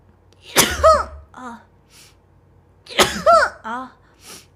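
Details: Two sneezes from a female streamer, each a sharp explosive burst followed by a voiced, rising-falling 'choo' and a softer trailing vocal sound, over a faint low room hum.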